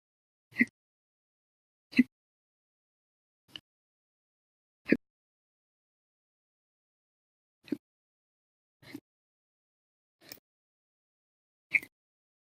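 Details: Hiccups from a 12.5-hour bout linked to lunch and a cup of soda after dinner: eight short sharp hiccups in about twelve seconds, irregularly spaced, some loud and some faint; repeated hiccups.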